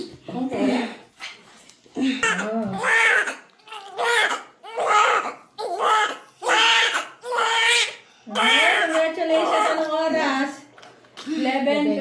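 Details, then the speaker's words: Loud, repeated, full, sustained cries from a baby girl immediately after delivery, with a cord prolapse where the umbilical cord came out first; strong, vigorous newborn cry. "Oo. Ah congratulations lakas naman ng iyak niya eh."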